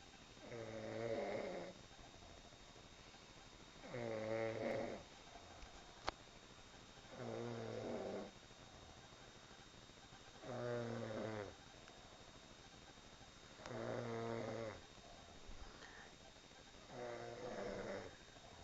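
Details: Sister snoring: regular rattling snores on each breath, about 18 a minute, with quiet gaps between; ordinary snoring, recorded on an Android phone.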